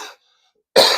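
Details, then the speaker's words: Adult with lingering cough and congestion despite feeling pretty good: two short, harsh bursts separated by silence, the second loud and slightly wet-sounding; cough. "as you can hear I'm still coughing I still got the congestion I you know all that [ __ ] I don't know what's going on"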